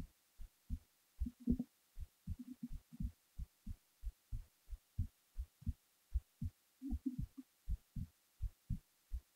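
Low heart thumps at roughly 75–80 beats a minute, with a few rustling or shifting sounds mixed in; a resting heartbeat.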